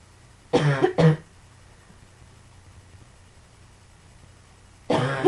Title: Some more coughing